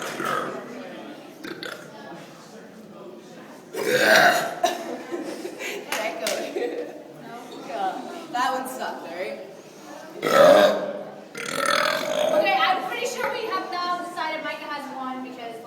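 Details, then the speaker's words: Deliberate burping contest between friends, including a young woman: two loud, drawn-out voluntary burps after drinking water, among chatter and laughter in a room. "You want to join in on the burping contest? Come on, you have the burp lap. Come on, you could win this with the burp lap."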